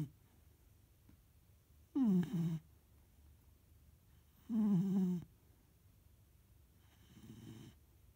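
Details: Ollie, a 15-week-old puppy, snoring while asleep: three short, soft snores with a whistling, squeaky quality, separated by quiet pauses.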